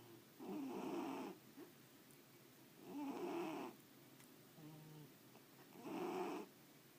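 Three rough, rattling snores, each about a second long, come at roughly 22 a minute with quiet gaps between them. This is snoring.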